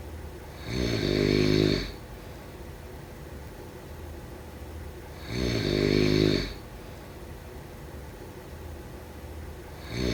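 Loud, rattling snores on each breath in, about every 4.5 seconds (roughly 13 breaths a minute), with quiet gaps between. Typical snoring.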